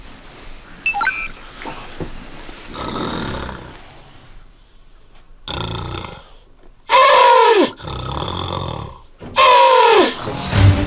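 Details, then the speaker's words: Staged, exaggerated snoring by a soldier character in a Korean TV military comedy, whose barracks mates try to stop it: loud, rumbling snores with falling, groaning tones. "오마이갓 야 코끼리 새끼 좀 어떻게 해봐야 마취총을 던지 방독면 눈쪽 유리가 깨져 있습니다 그 어떤 방법을 써도 케빈의 코고리를 멈출 수 없었고 됐 그로 인해 그 끔찍한 사건은 일어나기 시작했다"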